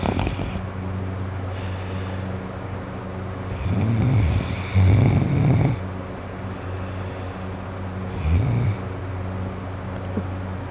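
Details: Adult with a cold and a congested nose and throat, asleep: loud, rough snoring breaths with a harsh rattling tone on inhalation over a steady hum; snoring with nasal congestion.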